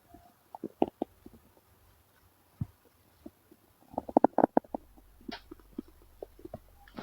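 Irregular gurgling and bubbling rumbles in short bursts, louder in clusters midway; ordinary stomach growling from moving gas and fluid.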